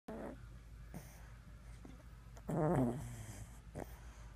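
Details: Loud snoring during sleep: a brief, low rasping snore with a throaty rattle against quiet room noise.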